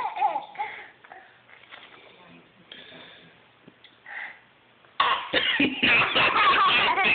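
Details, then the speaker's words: Eli coughing. "no coughing no coughing"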